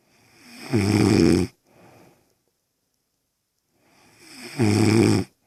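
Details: Woman (girlfriend) snoring: two loud, rattling snores on breathing in, about four seconds apart, each followed by a softer breath out, in a quiet room.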